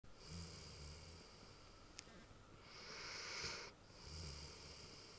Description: RidgeBack Dog snoring LOUD big dog lazy thing